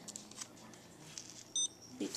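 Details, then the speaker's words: A single short high electronic beep in a quiet room from a home blood glucose meter, checked about an hour after eating; the reading is good, under 140. "again my little pen thingy beep and we wait oh Sugar's good it's under 140 it's good"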